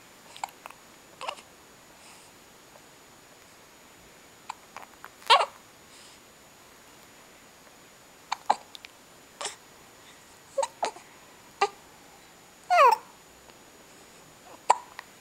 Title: December 07 hiccup 2.AVI